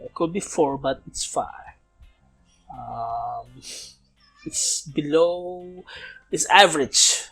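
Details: Man approaching 31, non-native English speaker, self-described as still stuttering, speaking English in a self-recorded podcast made partly to train his English; stuttering.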